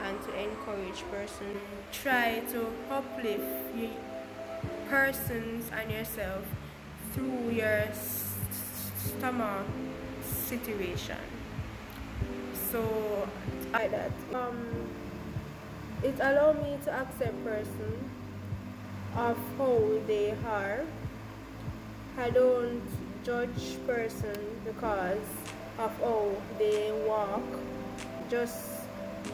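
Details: Stuttering in an adult Jamaican woman who describes her own stammer.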